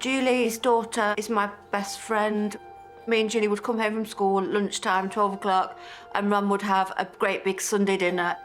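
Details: Adult woman speaking; Normal speech.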